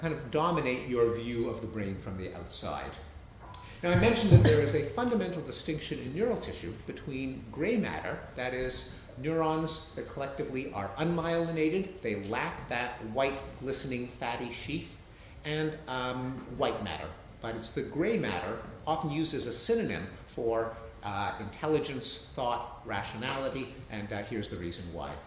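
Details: Adult male speaker; normal speech.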